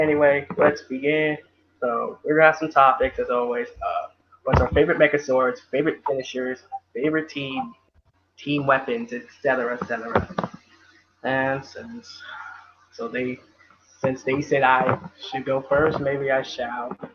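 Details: Adult male speaker; ordinary speech.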